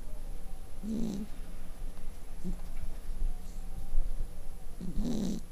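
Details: Cat snoring in sleep, said to sound like a human: low rumbling snorts on breathing, with quieter breaths between.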